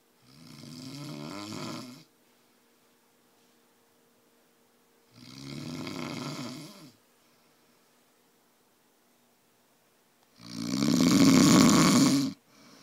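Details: Person or animal snoring loudly: three rattling snores on breathing in, about every five seconds with quiet pauses between, roughly 12 breaths a minute.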